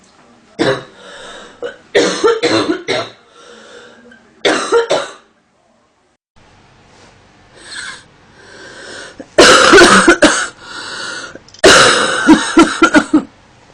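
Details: Sound-effect recording of an adult woman coughing, stating itchy, stuffy nose in cold weather; clusters of short, harsh coughs separated by pauses with throat clearing: cough.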